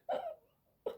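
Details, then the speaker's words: Pet dog snoring while asleep in a quiet room during a talk: two short, rough nasal bursts separated by a quiet pause. "So, if you can hear a noise, it's my dog snoring."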